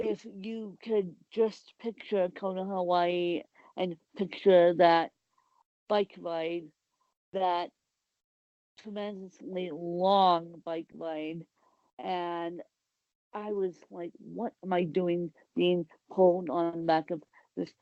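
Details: Dysarthric speech in an adult woman with cerebral palsy.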